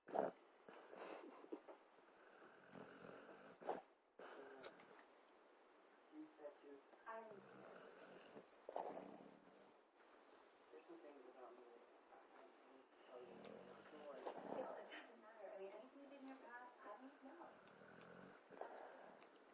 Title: Funny dog snores making his lips flap.